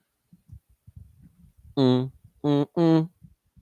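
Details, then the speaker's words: Soft low gurgles, then three loud, drawn-out tonal growls from an adult man's stomach during a livestream: stomach rumbling (borborygmi). "it oh did you guys hear that that was like my stomach rumbling"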